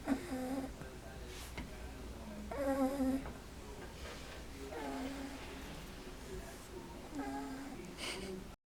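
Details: Snoring in a 7-week-old English Bulldog puppy: repeated voiced, buzzing snores with a humming, whistling quality, about one every two to three seconds in a small room.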